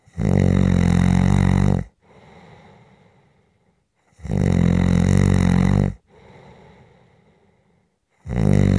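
Loud, rough, rattling snores on each breath in, with quieter breaths out between, about two cycles in nine seconds: ordinary snoring.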